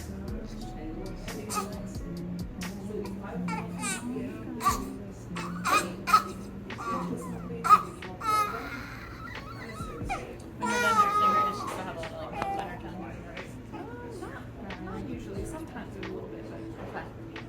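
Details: Brief crying and fussing from a 5-day-old newborn girl during her first chiropractic adjustment, with hip checks; left hip reported rotated. Background music and adult voices; ordinary newborn crying.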